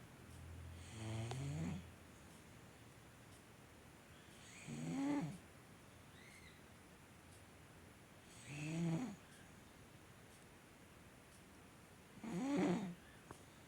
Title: Adorable 💕 cat 😺 snoring loud!!!